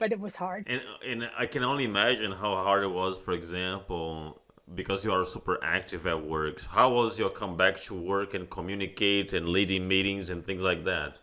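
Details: Adult man speaking; normal speech.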